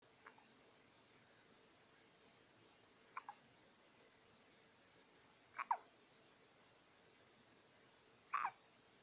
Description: hiccups are fun